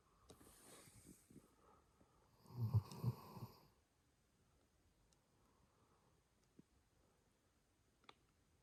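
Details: Labrador and Dalmatian snoring in a small room: a soft breathy noise, then one loud rattling, low-pitched inspiratory snore, followed by quiet breathing and faint clicks.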